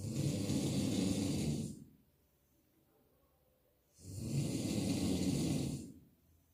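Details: Heavy snoring from a sleeping person described as an alcoholic: loud, harsh, rasping snores on two breaths about four seconds apart, roughly 15 breaths a minute, with quiet pauses between.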